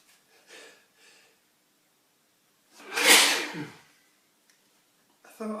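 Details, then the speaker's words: Man sneezing after sniffing detergent powder to provoke sneezes, complaining of nasal itching; short catching breaths build to one loud, explosive sneeze; single sneeze. "It's making me sneeze. Sneezing's intense. Oh, my nose is really itching. Wow, that was a hell of a build-up."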